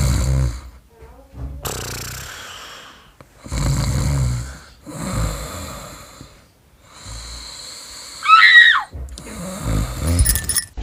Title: Snoring prank on wife